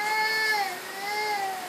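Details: Upset young child crying: sustained, high-pitched, tonal crying in two drawn-out wails; an ordinary cry.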